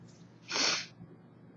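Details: 24-year-old woman with summer allergies: one loud, sharp, hissing sneeze burst after a brief breath in; recorded on an old phone with distorted sound; sneezing.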